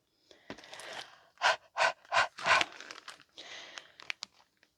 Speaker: By the way, if you can hear me mouth breathing, I still have a lot of sinus closure because of the up and down weather.